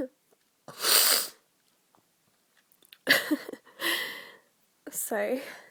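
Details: Person with a bad cold in October: two or three sharp, explosive sneezes in a quiet room, ending with a brief voiced sound; sneezing.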